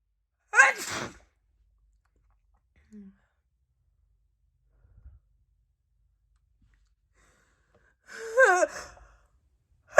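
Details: Adult woman at night, in a hot room, with an itchy nose: two separate sneezes, each a sharp burst trailing off, with quiet between them.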